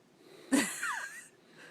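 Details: Adult man asleep, whom his wife records snoring while he denies it; single short snort with a whistling, squeaky tail on the breath; snoring.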